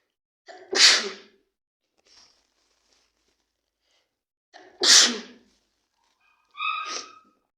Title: sneezing cold